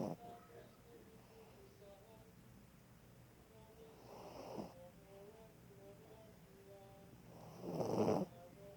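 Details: Dog snoring: two soft, rough snoring breaths about four seconds apart with faint room sounds between.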